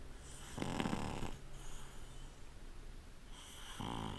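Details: Pug snoring during sleep: rough, rattling snoring breaths with snorting noise in a quiet room, in a flat-faced dog.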